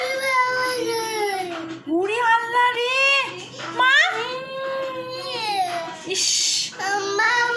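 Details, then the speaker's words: A baby girl cries in her sleep with tears, in long rising and falling wails with short catches of breath; an adult faintly speaks, saying her father has gone: infant crying. "উফরে ইস তুমি ঘুমিয়ে ঘুমিয়ে কান্না করছো মা"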